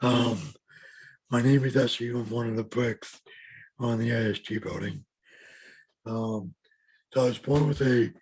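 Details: Adult man with lifelong bilateral severe hearing loss and mild cerebral palsy; speech of a person with severe hearing loss.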